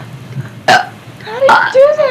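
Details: A child belching on request: a brief sharp throat burst, then a drawn-out voiced belch with a gliding, gurgling tone; deliberate burping.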